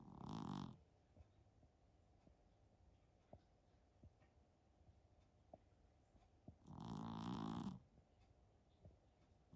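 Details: Persian cat snoring during a nap: two loud, rattling snores about six seconds apart with quiet breathing between, like a person's snore.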